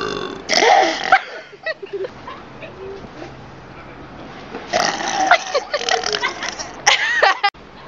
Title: My friend Burping